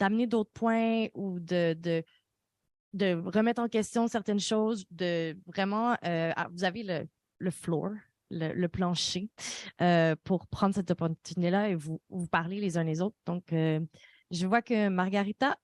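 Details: Adult speaker; normal voice.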